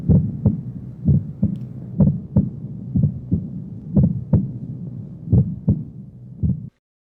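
Regular heartbeat near 60 a minute with a split first heart sound, heard as a doubled first beat.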